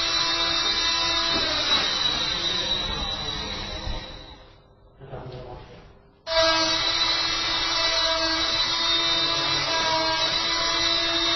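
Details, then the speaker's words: Oscillating cast saw cutting (bivalving) a plaster cast on a fractured limb protected by padding, using up-and-down pressure rather than back-and-forth strokes; painless. Loud steady high-pitched whine that briefly pauses and resumes, with music behind. "ça fait très peur une scie à plat mais ça fait pas mal du tout vous voyez que le mouvement n'est pas un mouvement de va-et-vient d'un mouvement de haut en bas"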